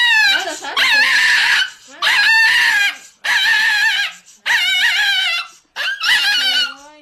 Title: Funny Puppy Crying while Vaccination